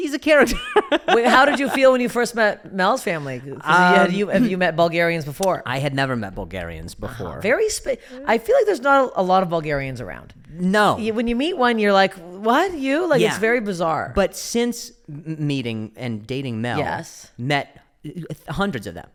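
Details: Adult speakers in conversation; typical speech.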